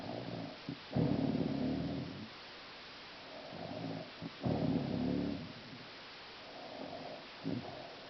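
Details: Woman (mother) snoring heavily in sleep: rough, low snores about 17 a minute, softer snoring between louder breaths.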